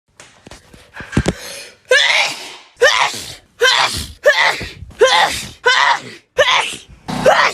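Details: About seven repeated sneezes from young women, each opened by a sharp indrawn gasp then an explosive burst, in quick succession; a sneeze-fit compilation; sneezing.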